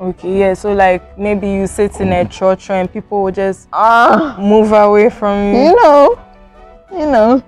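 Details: Adult woman speaking; ordinary speech.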